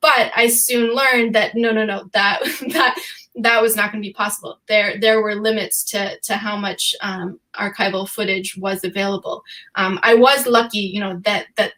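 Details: Real stuttering in an adult woman who says she stutters sometimes, speaking on a panel; repetitions of words and phrases are heard.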